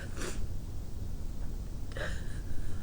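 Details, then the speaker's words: Two short, muffled bursts through closed mouth and nose from induced sneezes deliberately held back (stifled) on request, with only partial success and a runny nose afterwards. "I'll have to practice a lot more times, I think, before I maybe can succeed, but it trying to hold back and makes me only succeed in stiff some of them."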